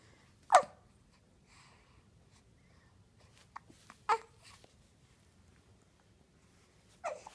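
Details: Infant hiccups during playtime while being encouraged to push with legs: a few short, sharp catches of breath, some seconds apart, in a quiet room.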